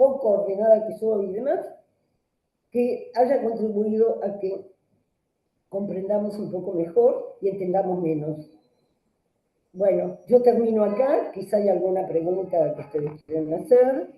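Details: Adult woman speaking; normal voice.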